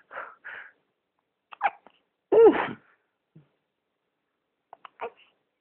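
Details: Someone told to hold his breath gives a few soft breath catches, then one sharp voiced sneeze, then quiet breaths; single sneeze.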